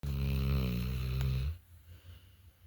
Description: Sable snores, so loud! Hahaha!